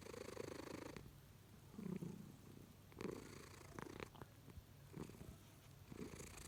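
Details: Sleeping cat snoring: rhythmic rumbling breaths about once a second, purr-like in quality.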